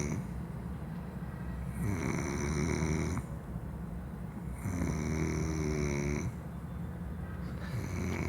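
Low, fluttering snores on each in-breath, about two breaths in eight seconds, over steady hum. Snoring.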